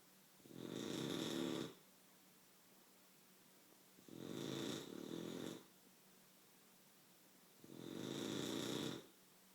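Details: Three rattling snores about every 3.5 seconds, roughly 17 breaths a minute, in a quiet room; ordinary snoring.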